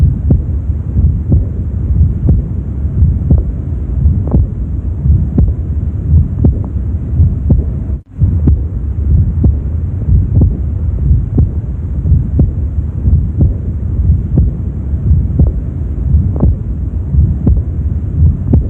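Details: Aortic regurgitation murmur at the mid left sternal border, 3rd intercostal space, on auscultation: regular heartbeat near 60 a minute with a soft murmur.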